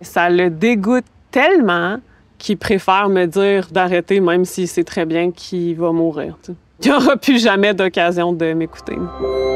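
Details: Adult woman who has stuttered for as long as she can remember: stuttering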